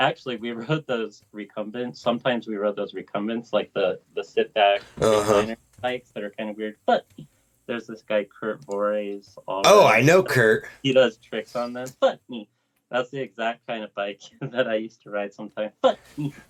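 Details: Adult man with lifelong Tourette syndrome that worsened in his 30s. Swearing and vulgar tics began around age 35, alongside humming, blinking and head shaking. Vocal tics with coprolalia (Tourette syndrome).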